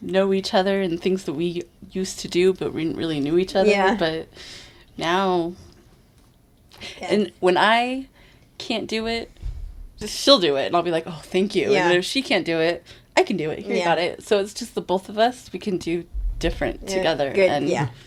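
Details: Adult with aphasia after a stroke, in an aphasia group for about 2 years; aphasia.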